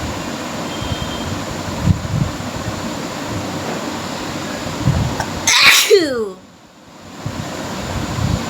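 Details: A single sharp, forceful sneeze during a sneezing challenge, with a steady background rumble of traffic or a vehicle; sneeze.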